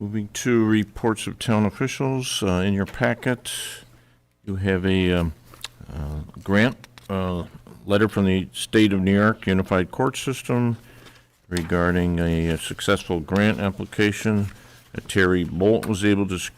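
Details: Adult male speaker; normal speech.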